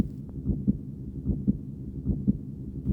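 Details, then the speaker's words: Heartbeat of an early embryo in the womb, its primitive two-tube heart beating by about 3 weeks of development: regular, soft, muffled double thumps at about 75 per minute. "Bunlar aşamalı biçimde bacak kol karaciğer ve kalp şeklini alacaktır 3 hafta gibi kısa bir sürede minicik bir kalbin atışları ve kan dolaşımı"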